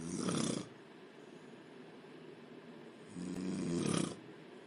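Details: Woman asleep in bed snoring: two loud, smooth, rumbling snores on the in-breath separated by quieter breathing.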